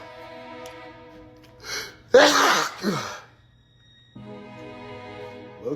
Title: Allergies won’t let bro be great. #sneezeattack